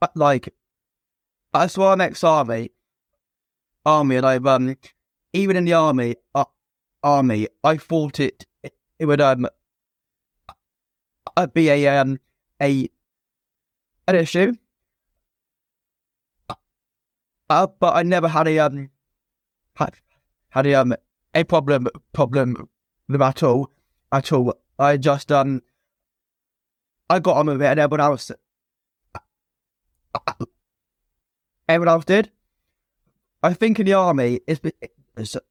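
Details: Adult man, a former soldier, who has stammered since a young age, with repetitions and blocks; stuttering.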